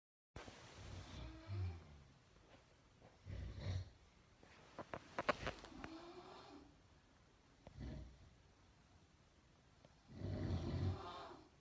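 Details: Parents snoring in sleep: low, rumbling snores recurring every few seconds with quiet gaps between them.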